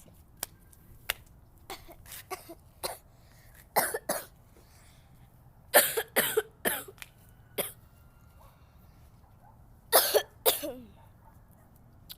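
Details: A girl outdoors in freezing morning cold without a jacket, reportedly sick, has repeated coughing bursts, about a dozen coughs in short clusters with quiet gaps; coughing fit she says made her pass out.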